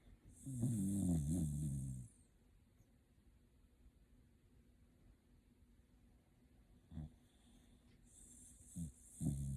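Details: Shiba Inu dog sleeping comfortably and snoring: a loud, rattling snore lasting about two seconds, then a quiet pause before the next breath; typical dog snoring.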